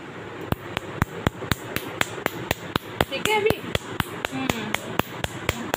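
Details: Sharp snapping clicks, about four a second, from an Nd:YAG laser firing during tattoo removal, with faint voices behind; laser tattoo removal pulses.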